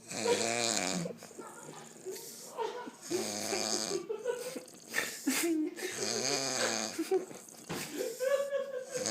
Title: Loud Snoring